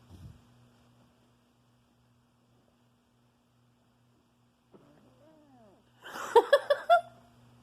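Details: Gurgling, squeaky rumbles rising and falling from a dog's belly in a quiet room, heard just after coming in from outside and eating a treat; borborygmi, and the owner feels a fart may follow.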